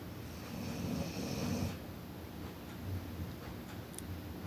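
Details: A low, rumbling snore on the in-breath, then quieter breathing with faint rattles; ordinary snoring.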